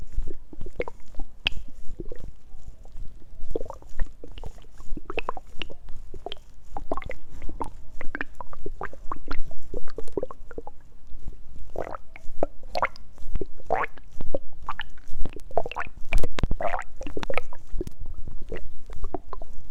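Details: Stomach growling (borborygmi): frequent low gurgles, squelches and watery rumbles from the abdomen with fluid movement.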